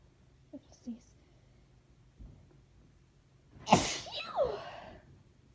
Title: Request- "Gonna Sneeze"